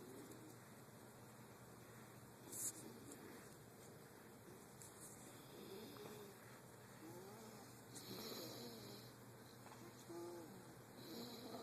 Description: My 2 year old fell asleep while eating and then begin to snore... just like his Daddy...